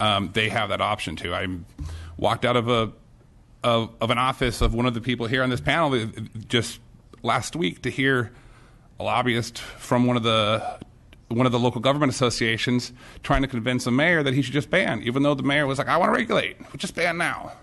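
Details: Stuttering-like disfluency with restarts in an adult man testifying at a hearing, who says his speech impediment "fires up"; the type of impediment is not named.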